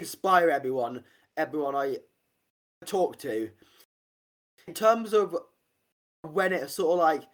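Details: Adult man with a real stammer since about age five; stuttering.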